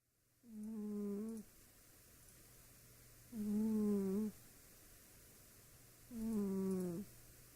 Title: Our cat Amber snoring